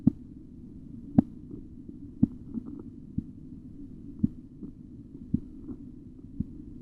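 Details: Korotkoff sounds during auscultatory blood pressure measurement with cuff: sharp, regular tapping about once a second over a low hum.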